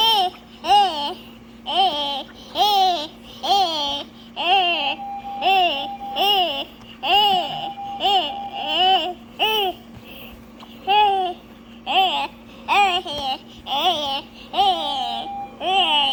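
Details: Child with tracheostomy; vocalization with inflated tracheostomy cuff.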